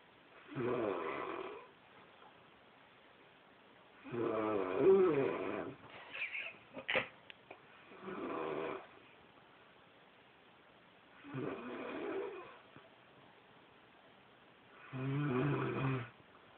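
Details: Snoring: five loud, rattling snores spaced a few seconds apart, with small snorting sounds between two of them, in a quiet room.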